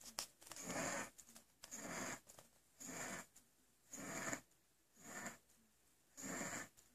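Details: Wheezing during a child's asthma attack: a sleeping child breathes fast and noisily with harsh, rasping breaths.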